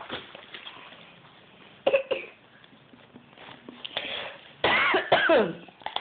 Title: My 15mo old son mocking me coughing